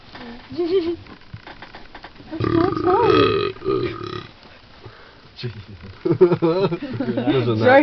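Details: A man lets out long, deep, voluntary belches shaped into drawn-out sounds, amid speech and a friend's loud laughter.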